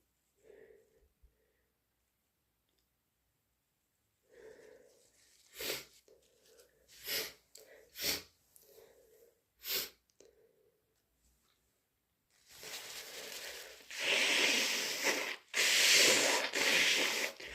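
Quiet sniffs and breaths, a run of short sharp sneeze-like bursts, then loud, long nose-blowing.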